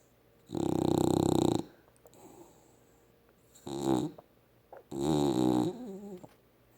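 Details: Male pet sleeping on the owner's lap, ordinary snoring: three soft, low, rumbling snores with breathy exhalations between them.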